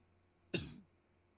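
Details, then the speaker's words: Adult has a persistent, tickly cough they can't get rid of; coughing heard during a livestream. ">> Can't get this Can't get rid of this tickly cough and it's really really annoying me."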